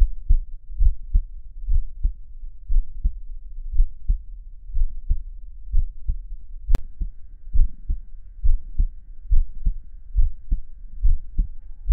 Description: chubby hairy male listening to his heartbeat for relaxation and ASMR